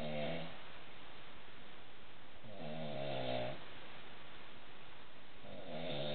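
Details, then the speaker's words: Adult wife who never snored until starting in the last week: loud, rough, rumbling, bear-like snores on each breath in, about every three seconds (~20/min), heard while asleep around 12:10 am and keeping her spouse awake. "this video is to prove cuanda doesn't believe she sounds like a damn bear when she's sleeping but this is what it sounds like"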